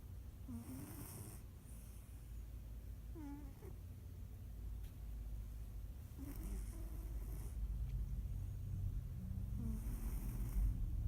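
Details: Sleeping pet cat snoring: soft, rhythmic snoring breaths with faint squeaky noises on some breaths, over a steady low room rumble.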